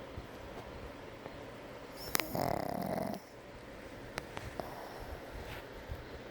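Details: One loud, rattling snort-snore from a brindle Pug asleep during an afternoon nap, with quieter breathing and small clicks around it: snoring.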